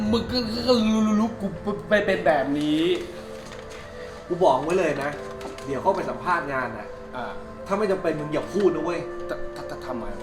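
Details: Acted stuttering by a character in a Thai short film, with word repetitions. Finding: stuttering (acted).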